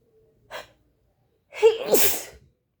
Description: I haven't been able to stop sneezing today. I've sneezed up to 45 times in a row. I think I have the flu.